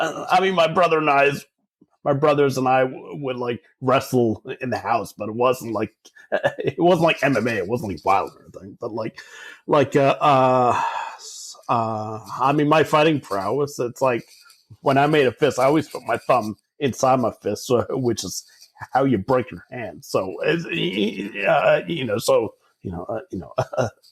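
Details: Adult man who stutters, speaking in real conversation; stuttering.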